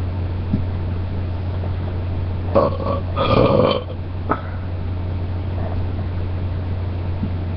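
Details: Burping again: a single drawn-out, gurgling belch over a steady low engine-like hum.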